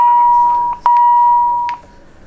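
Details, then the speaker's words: Defibrillator charging and delivering a 100-joule synchronized cardioversion shock for wide-complex tachycardia, demonstrated on a paediatric/adult defibrillator during a resuscitation teaching session: a steady high electronic tone, a brief break with a sharp click, then the tone resumes. "100 joules for a tachycardia which is a wide complex um rhythm so we're going to charge and when everybody is safe then we are going to discharge the shot"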